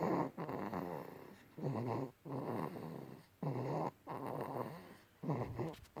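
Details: Soft, rhythmic low rattling snores, about 33 breaths a minute, from an infant boy fast asleep after nursing and a warm bath: infant snoring.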